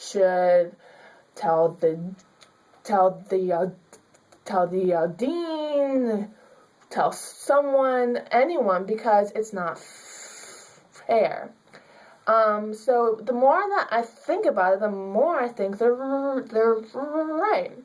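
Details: Young woman with stuttering, a student who stutters; she was told she could only get a C in her public speaking class because of her speech.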